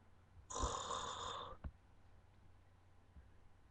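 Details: One harsh, buzzing snore followed by a soft snort, then quiet breathing; a single snore.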